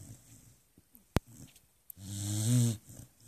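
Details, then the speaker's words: A Beagle snoring loudly enough to keep the owner up all night: one loud, rattling, low-pitched snore on an in-breath, with soft breathing around it. "is this is kept me up all night long Jenny the Beagle is there anybody that has to endure a snora like"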